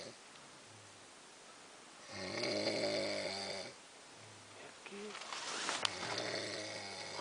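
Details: Tremendous snoring from an adult man sleeping outdoors during a night fishing trip in the countryside; snoring.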